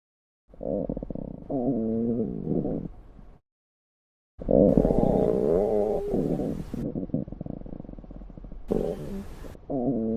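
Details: Loud gurgling, warbling stomach growls from a female, in several bursts separated by silence, from a sound-effect recording; ordinary hunger-type borborygmi.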